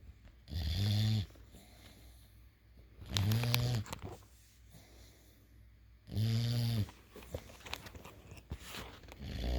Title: snoring eevee